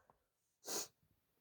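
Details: Sneezing with a breathy build-up, induced with chikni (F): a faint breath, a pause, then one strong hissing sneeze burst in a quiet room.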